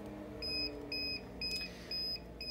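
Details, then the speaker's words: Five evenly spaced high electronic beeps over a low machine hum, with a blinking light, from the Prius Healthcare Rhythm Multi air mattress control unit: power-failure alarm. "this will illuminate blink it also beep you can hear the audible beep as well"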